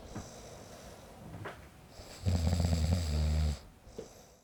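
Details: Man snoring, sound-effect recording made with a Zoom H5 recorder: a rough, low, rattling snore on an in-breath; ordinary snoring.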